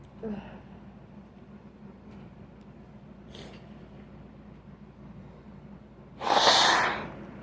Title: Sneezing and nose blowing